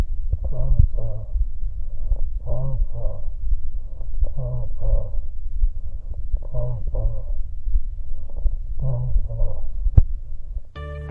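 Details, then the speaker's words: Egophony over a laminar pleural effusion on chest auscultation: muffled voice in paired syllables with a nasal, bleating timbre, as high-pitched vowel frequencies pass preferentially. "La egofonía, donde el derrame pleural es laminar, parte del sonido logra transmitirse dejando pasar preferentemente las frecuencias altas, especialmente vocales de tonalidad alta, adoptando la transmisión de la voz un timbr Nasal"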